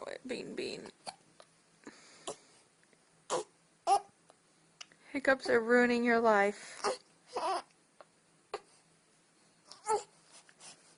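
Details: Several short, sharp gulping bursts at irregular intervals around a stretch of voiced sound, fitting hiccups; quiet room.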